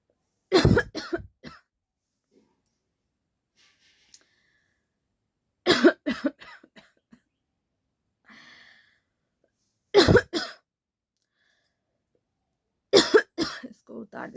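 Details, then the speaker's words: Deliberately faked cough for a coughing challenge, speaker says no real cough or cold: four bursts of several dry coughs each, spaced by quiet pauses; voluntary cough. "Real coughing तो अभी नहीं हो रहा है सच में यह fake ही कर रहे हैं हम"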